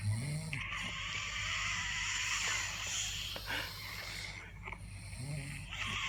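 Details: Real, unplanned daytime nap of an adult with sleep apnea: harsh, noisy snoring breaths with strained airflow, heavy breathing and apnea pauses; snoring with obstructive sleep apnea.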